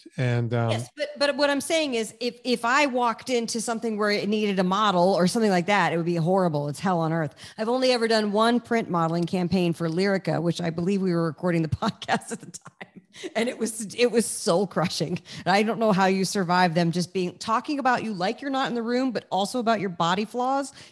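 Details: Adult speaker; normal speech.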